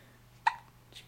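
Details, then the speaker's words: Infant with hiccups, before tummy time: a single brief, abrupt hiccup against quiet room noise. "you got the hiccups here give me a good squeeze here give me a good squeeze get me yeah hiccups oh man those are some big hiccups"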